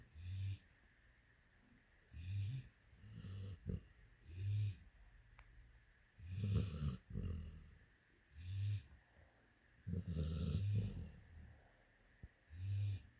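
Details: Sleeping Labrador dog snoring with deep, rumbling sounds recurring at about fifteen a minute.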